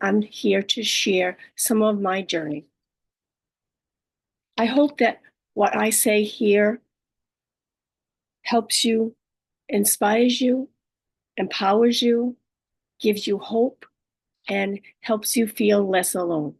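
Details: Adult woman living with aphasia, apraxia of speech and dysarthria after a stroke, with right-sided hemiparesis. Finding: aphasia with apraxia of speech and dysarthria.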